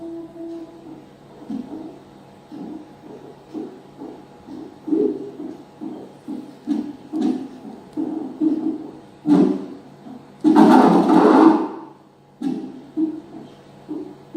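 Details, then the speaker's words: Fetal heartbeat on Doppler during CTG (cardiotocography) setup, cephalic presentation, probe right of midline below the umbilicus: fast, soft whooshing pulses about 130 a minute with one burst of rubbing noise; normal-range fetal heart rate. "nah ini adalah suaranews jantung"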